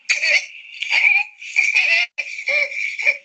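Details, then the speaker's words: Child in a neonatal laryngeal disorders lecture: high-pitched, harsh noise on both inspiration and expiration, biphasic stridor, pointing to narrowing at or below the vocal cords. "This is a biphasic stridor. So we told you that anything in the vocal cord level and below could produce a biphasic stridor."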